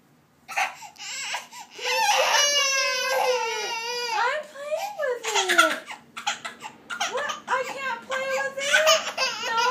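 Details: Baby daughter cries when her cat toy is taken away: she bursts into a wailing cry that rises and falls, breaking into sobbing, with adult voices nearby; ordinary upset infant crying.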